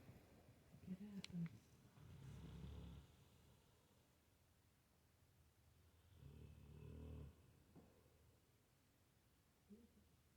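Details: Dog snoring: two soft, low, fluttering snores about four seconds apart with quiet breathing between.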